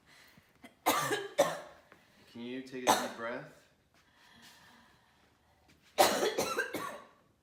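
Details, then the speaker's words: Simulated patient in a respiratory assessment roleplay, with years of cough much worse this past week, clubbed fingers and cyanosis: acted wet, rattling coughs in bursts with a throaty voiced catch, a deep productive cough bringing up sputum. "so what kind of a cough is it is it's pretty deep it rattles my bones coughing up anything oh yeah I hate to tell you"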